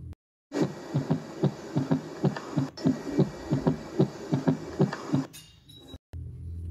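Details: Regular heartbeat with an extra soft low thud after the second sound, from the left ventricle after mitral valve opening, giving a three-beat gallop: third heart sound (S3).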